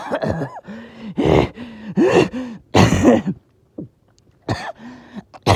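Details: Evening coughing fit that came on suddenly with difficulty breathing after oxygen levels were good all day: a run of voiced, strained coughs with groaning between, a pause, then more coughs.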